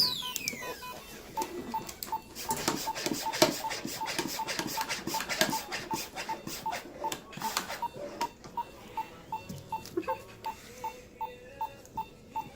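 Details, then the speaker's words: Ultrasonic scaler cleaning the teeth of a dog during a veterinary nursing dental cleaning: high steady whine with scraping and water sounds, and regular soft beeps in the background. "okay so I'm going to go ahead and use the ultrasonic scaler first with this one you're going to need to make sure I never use this at a 90 degree angle like this because it is like a jackhammer and it can damage the tooth"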